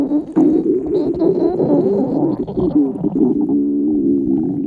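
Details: Girls at their hunger limit: a loud, drawn-out, wavering low groan lasting several seconds, stomach growling from hunger.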